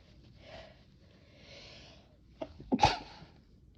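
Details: Chhinkni snuff-induced sneezing, held back when a roommate arrives: quiet breathy build-up, then a short, muffled, stifled sneeze burst.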